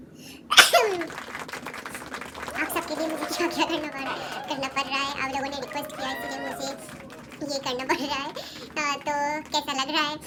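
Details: A single sharp, forceful sneeze followed by laughter and chatter, provoked on purpose in a nose-sneezing challenge.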